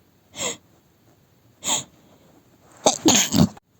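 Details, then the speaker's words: Acted adult sneezing scenario, just woken up, cause unknown (cold or allergy suspected, doesn't feel sick): two breathy inhaled build-ups, then a burst of about three quick sneezes. "I think that I think I might need to try to figure out what is making this sneeze good be a cold or something I can't tell but I don't feel sick"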